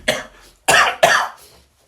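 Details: Three loud, harsh cough bursts in quick succession from a person who complains of coughing so much; an ordinary repeated cough.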